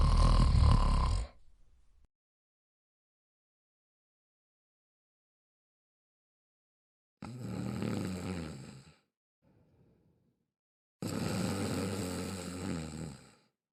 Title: Sweet Sounds Of Snoring